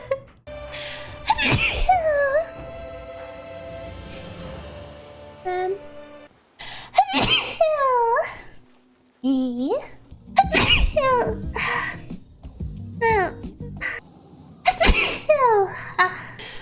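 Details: Sneeze compilation from a VTuber; several sharp sneezes, each followed by high voiced squeals, over background music and a steady tone.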